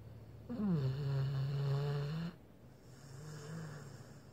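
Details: Snoring from a sleeping blue Pit Bull dog: a long, low, droning snore on one breath, then a quieter second snore.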